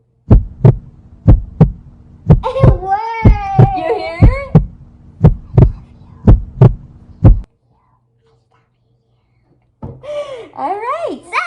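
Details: Loud, regular low thumps at about 62 a minute with children's voices over them; a heartbeat heard at the chest through a homemade kids'-kit stethoscope made of a funnel, tubes, connectors and ear buds.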